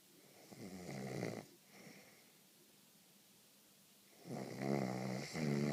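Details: Two fluttering, rattling snores during sleep with a quiet pause between.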